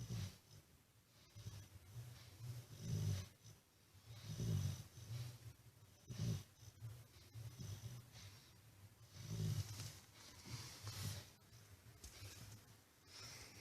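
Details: Snoring from a dog in deep sleep, fallen asleep near a study table at night: low rumbling snores recurring irregularly every few seconds through quiet room noise, ordinary sleep snoring.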